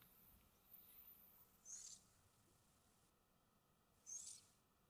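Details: Soft, hissy breaths recurring every two to three seconds over quiet room hiss from a soundly sleeping pet cat; gentle snoring.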